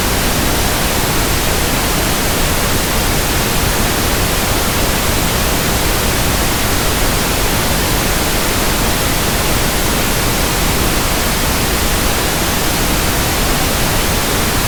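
Steady, even, soft hiss of pink noise throughout, a simulated sound for matching persistent static-like tinnitus.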